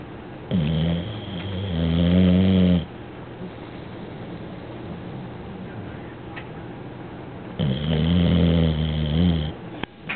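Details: Loud snoring during sleep: deep, vibrating snores about two seconds each, with quiet pauses of several seconds between them. Snoring.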